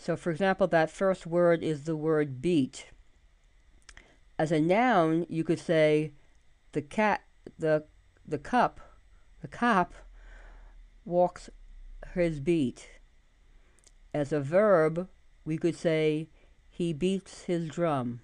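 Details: Adult woman, stroke survivor, about 85% recovered from post-stroke aphasia that included anomia and lack of prosody, still with occasional fatigue-related word-finding trouble; residual aphasia.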